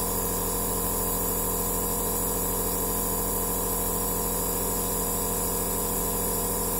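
Steady mechanical hum with a fast, even pulsing buzz and hiss throughout; a nebulizer compressor running.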